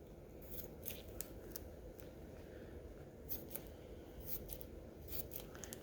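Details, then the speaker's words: Repeated crisp scissor snips over a low room rumble while trimming fiberglass and padding, shaped before it hardens, during a two-layer fiberglass Muenster arm cast demonstration for orthopedic and pediatric casting. "take your time on the cut you have time to work with it it hasn't hardened yet make it look nice and professional"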